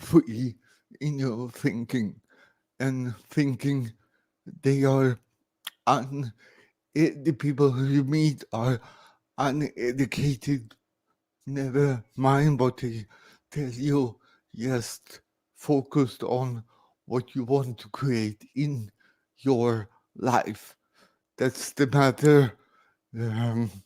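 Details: Adult man born 1968 with severe cerebral palsy after lack of oxygen at birth; speech recognition programs struggle with his speech; dysarthria (cerebral palsy).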